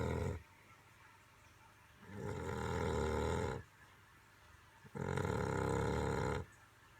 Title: Button snoring